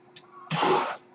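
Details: A faint click, then a half-second rush of hissing air in a quiet room: a mechanical ventilator breath from the male podcast host's own ventilator, recorded in real life while he speaks.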